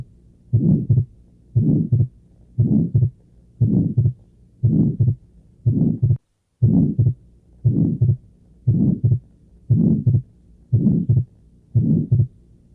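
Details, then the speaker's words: Atrial septal defect teaching recording: midsystolic murmur with splitting of the second heart sound. "Como mesosistólico. ¿Cómo? Mesosistólico. Un soplo mesosistólico asociado con un desdoblamiento del segundo ruido."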